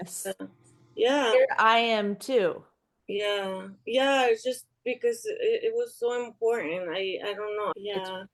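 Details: Aphasia in a woman after an ischemic stroke in March 2020 that left her unable to speak; improved but still recovering, heard in conversational speech.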